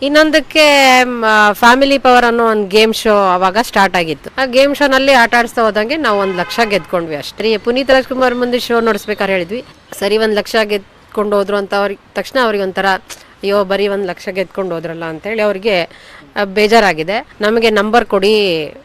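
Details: Adult speaker; Normal speech.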